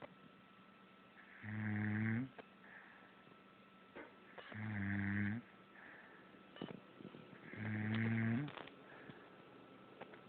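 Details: Person snoring in sleep: three loud, rumbling inhaled snores about every three seconds, roughly 20 breaths a minute, with quiet exhales between; regular snoring.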